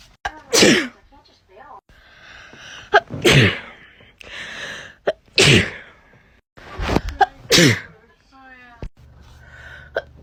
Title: TikTok Sneezing 55